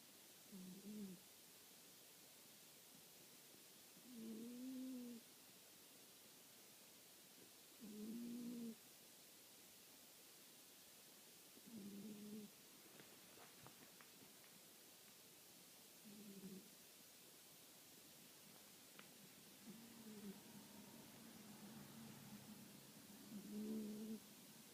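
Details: Soft, low, buzzy snores recurring about 16 times a minute from cats sleeping spooned together, against faint room hiss.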